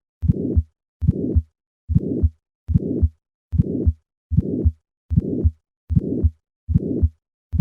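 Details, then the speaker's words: Ejection click at the start of a systolic murmur in a patient with a bicuspid aortic valve: regular heartbeat about 76 a minute, each beat opening with a sharp click followed by a systolic murmur. "Listen to a patient with a bicuspid aortic valve and notice the ejection click at the start of this murmur."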